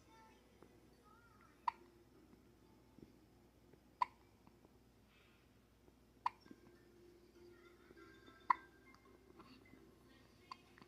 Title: THE CUTEST BABY GETS THE HICCUPS! 🍼 #baby #shorts